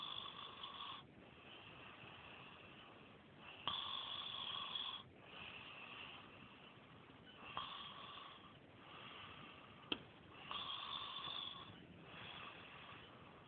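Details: Repeated raspy, whistling snoring sounds in cycles with quieter gaps between, during sleep; snoring.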